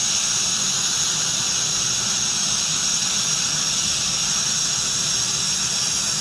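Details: Acteon piezo-ultrasonic scaler with high-volume evacuation (HVE) suction held close to the tip during cross-arch scaling by a dental hygienist: steady high-pitched hiss and whine, continuous throughout.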